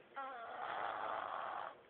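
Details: 3-year-old girl snoring during sleep: one long, rough, buzzing breath.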